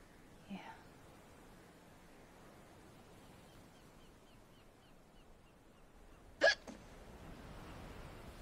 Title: The majestic(with hiccups)